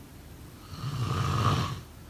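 A single low, rumbling snore lasting about a second against room noise; snoring.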